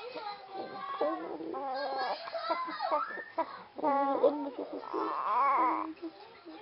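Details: Infant cries in rising and falling wails while adults talk soothingly nearby in a small room; the crying is described as acting in a staged baby-actor clip.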